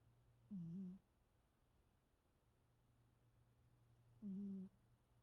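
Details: A sleeping cat snoring cutely, with two soft, high-pitched whistling snores several seconds apart over a low room hum.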